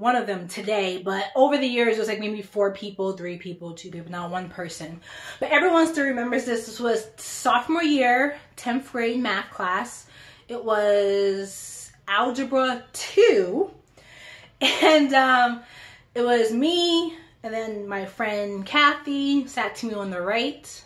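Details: Adult woman who stutters.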